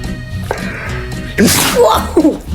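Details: Dog sneeze: a sudden sharp burst of noisy air over background music, followed by a person saying bless you.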